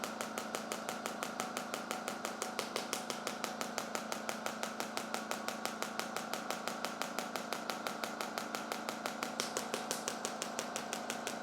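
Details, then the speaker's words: Shockwave therapy for front hip pain, final ~100 pulses on one spot while working on hip internal rotation: sharp, evenly spaced clicking pulses about two per second over a steady hum. "that's it okay about 100 pulses on this spot and that should be it"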